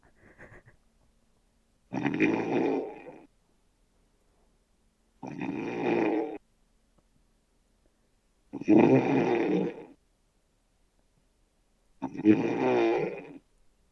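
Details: Simulated snoring from the video game Red Dead: loud, rough rattling snores in regular bursts about every 3.5 seconds, roughly 17 a minute, with silence between.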